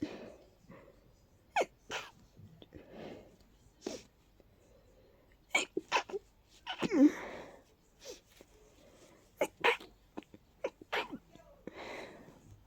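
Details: Person with allergies flaring and stuffy all day: a powerful run of sharp, partly stifled sneezes with snuffly, congested breaths between them, a sneezing fit.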